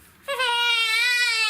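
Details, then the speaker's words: A baby gives a sudden, sustained high-pitched cry after brief quiet during a chiropractic session. The practitioner says such babies dislike tummy time and that she stops crying once straightened and the pressure is taken off the joint. "They never like tummy time, these babies that have got this problem. As soon as I straighten her, and if I get the pressure off the joint, Yeah. she stops."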